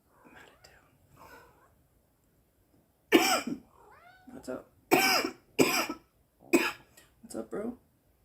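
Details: Girl coughing: several short, forceful coughing bursts in a small room, with faint meows from a cat in between; cough.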